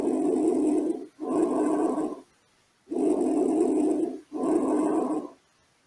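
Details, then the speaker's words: Respiratory exam demonstration: two breath cycles with moderately loud inspiration and expiration of equal length, normal bronchovesicular breath sounds, most audible at the periphery; heard elsewhere they may signal pathology. "passemos agora a ouvir a respiração e o som bronco de"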